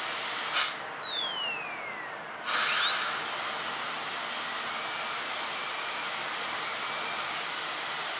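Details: High, steady whine of a high-speed dental handpiece that drops in pitch and spins back up, with faint room noise, during a practical-exam demonstration preparing tooth 36 for a full gold crown (FGC).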